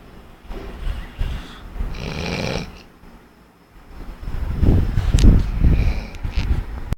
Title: chinki snoring.mp4